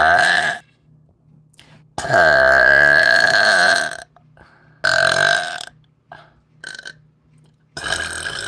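Several loud, long, rumbling voiced belches with short pauses between them: burping.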